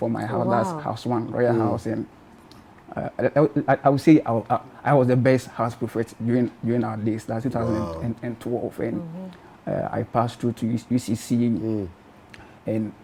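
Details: Adult man from Ghana who has stammered since birth; stuttering (stammering).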